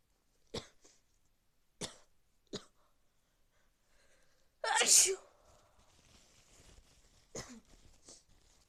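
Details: Big sneezes with a cold: several short sharp nasal bursts, then one loud explosive sneeze.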